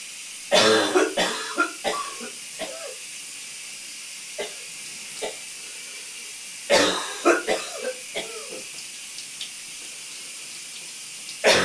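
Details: Coughing in a steamy shower: two bouts of wet, rattly coughing, each a strong burst followed by a few weaker coughs, over steady shower hiss; a productive cough.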